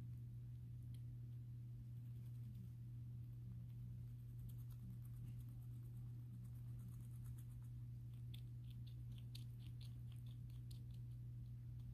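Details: Happy pet rat Remy bruxing with eye boggling; faint, rapid clicking and grinding of the teeth over a steady low hum: contented teeth grinding.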